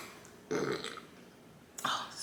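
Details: Adult gives one short, throaty belch after finishing an orange soda during a ramen mukbang, then a brief spoken word.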